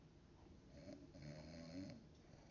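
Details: Low rattling, rumbling breath noise from the speaker's mother asleep at 3 am in a quiet room: snoring.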